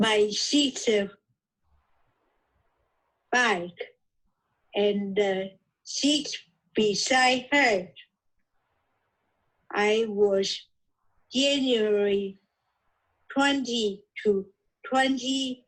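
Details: Aphasia in an adult woman originally from Taiwan, reading her own recorded podcast during an intensive reading and writing aphasia therapy program.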